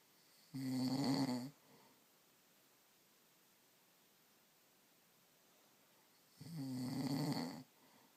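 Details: A husband snoring: two loud rattling snores on breathing in, about six seconds apart, with quiet between; ordinary heavy snoring.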